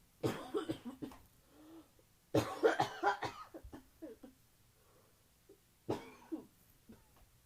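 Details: Cough from a recent common cold, described as painful: several bursts of harsh coughing with strained sounds and some nose blowing between them, and a female cat meowing faintly in the background.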